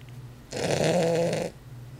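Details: Sleeping Weimaraner dog, a heavy snorer: one long, loud, rattling snore on an in-breath with quiet breathing before and after; snoring.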